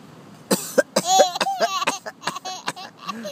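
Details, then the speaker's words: Baby, who finds coughing hilarious, makes short, playful pretend coughs mixed with voiced squeals, imitating their father's cough: voluntary imitated cough. "to laugh at me coughing right all right why you laugh when I cough oh it's hilarious when I cough huh oh my goodness now you're faking it you're faking the"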